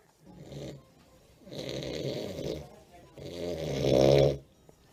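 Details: Loud rattling snores on each in-breath with quieter out-breaths: an adult man snoring heavily while asleep at the dentist; he doesn't use his breathing machine.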